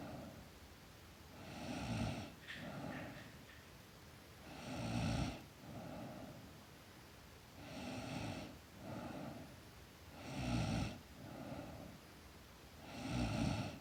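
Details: Girl snoring during sleep: regular rattling snores on each inhalation, about 21 breaths a minute, with softer sounds on exhalation.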